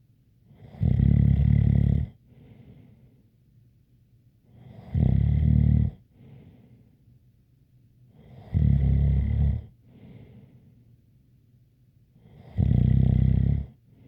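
Four loud, rattling snores about 15 a minute, each followed by a soft whistling breath out: snoring with a light whistle.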